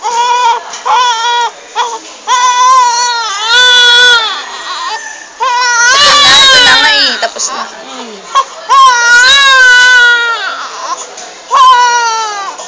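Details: Baby crying loudly while being cleaned, feeling cold: sustained infant crying in repeated wailing bursts with gasping pauses between them; vigorous cry.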